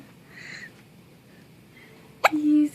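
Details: Newborn in the NICU who often gets hiccups: a quiet room, then one sharp, abrupt hiccup followed by a brief squeaky voiced tone. Infant hiccups.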